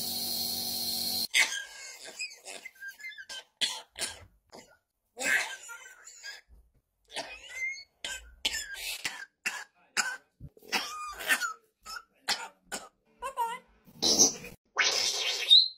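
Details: A female Congo African grey parrot repeatedly mimics the chronic COPD cough of its owner's 66-year-old father, with harsh, wet coughs and throat-clearing; an imitated chronic cough.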